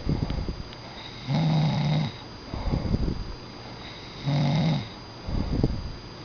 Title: a snoring pumba... [raby doo]